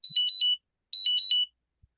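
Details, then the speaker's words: Continuous glucose monitor low-glucose alarm going off for a wearer during an online meeting. The wearer says the CGM reads below threshold, just barely 69, and takes glucose tablets. Two bursts of high-pitched electronic chirping. "that's me that's my glucose alarm oh no are you all right I'm all right but uh the thing uh my CGM thinks I'm below 60 which I am"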